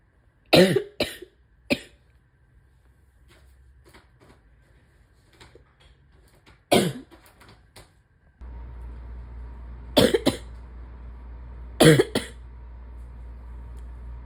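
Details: Wet productive cough in a person with asthma, spring allergies and chronic bronchitis during a likely respiratory illness: about six loose, wet coughs in short bursts, some paired, with steady background hum.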